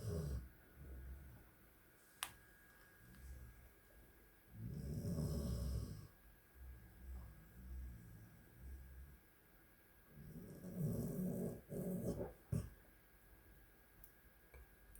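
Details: Female, called "good girl", snoring during sleep at night. Slow, low rumbling snores with quieter breaths between, about five snoring breaths a minute.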